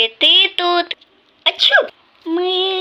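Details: Cartoon character's acted sneezes from a sneeze compilation: several voiced, exaggerated "achoo" bursts, not a real person's sneezing.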